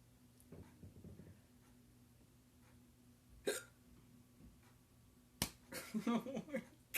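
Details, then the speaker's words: Persistent hiccups that cannot be stopped: two sharp, abrupt gulping catches in a quiet room with brief voiced groans between them: repeated hiccups. "Oh, it's still going, man. Oh, God. Oh, God. I can't stop. I can't stop the hiccups, man."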